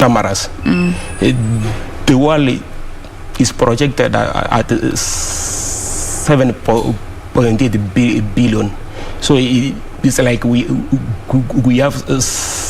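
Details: Adult man who stammers, speaking on a TV talk show; word and part-word repetitions; stuttering.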